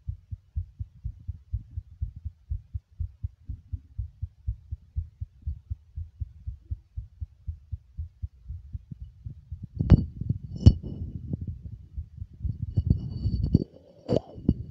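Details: Male heartbeat recorded while smoking: steady low thumps at about 80 beats a minute, then louder rubbing and handling noise near the end; an ordinary heartbeat.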